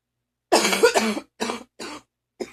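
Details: Morning phlegmy cough, a recurring episode with near-choking: a harsh cough burst followed by three shorter rough, phlegmy coughs; a productive (wet) cough.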